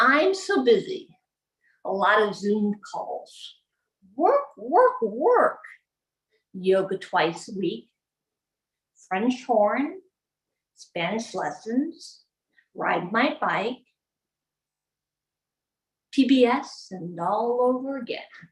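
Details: Adult woman with aphasia after a gunshot wound to the head in January 2011, speaking about 12 years after the injury; non-fluent aphasia.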